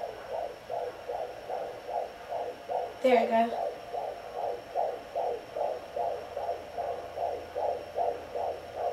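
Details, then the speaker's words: Pocket fetal Doppler (Sonoline B) with aloe vera gel on the probe, on the pregnant mother's left side: galloping fetal heartbeat, with the slower maternal heartbeat also heard. "and what you're looking for is like a galloping sound that's my heartbeat right there it's slower"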